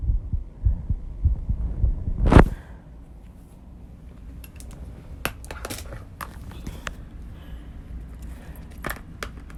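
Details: Heartbeat after intense exercise at 134 bpm: rapid low thumps for about two seconds, then handling noise, rustling and clicks; heavy breathing noted; heartbeat after exercise.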